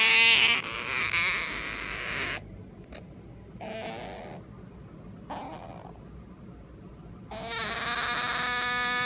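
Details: A sleeping small-clawed otter gives four bursts of high, squeaky whining calls: sleep vocalization, or sleep talking.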